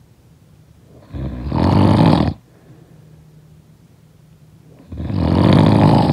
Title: Snoring sound effect